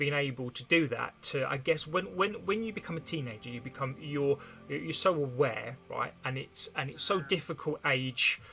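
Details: Stuttering with blocks, repetitions and many fillers in an adult woman who has stammered since childhood (onset stated as about age two or three, and also as age seven, 33 years ago).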